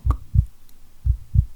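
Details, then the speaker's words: Acted medical roleplay exam: two clear, strong, regular lub-dub beats heard by stethoscope on the chest; normal heartbeat. "Okay, I'm going to listen to your heartbeat. Okay, that's very good. That's very strong."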